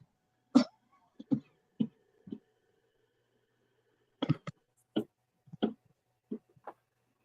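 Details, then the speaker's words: Bad cough in a person with very stuffed sinuses who says they sound like they have a frog in their throat. "Yeah, I have very stuffed sinuses and something going on like right here that makes me cough really bad, and I sound like I have a frog in my throat."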